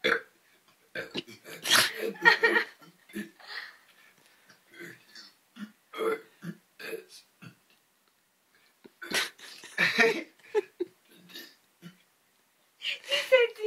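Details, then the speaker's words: Voluntary burping of the alphabet: a run of long, deliberate voiced burps shaped into letter sounds, with short pauses between them. "this is the alphabet being birth"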